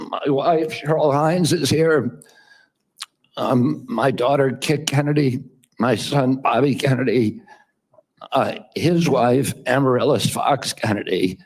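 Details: Adult man with spasmodic dysphonia for about 25–30 years, a rare neurological vocal cord and larynx spasming condition with no real cure, reportedly after an operation to sound better; spasmodic dysphonia.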